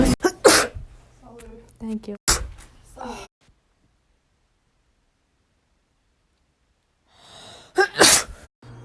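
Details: Person with allergies giving several sharp explosive sneezes, a few preceded by a brief in-breath, with a silent gap and one more sneeze at the end; sneezing compilation.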